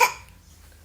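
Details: Child coughing, not wanting to go to school because of the cough; mother suspects the cough may be exaggerated.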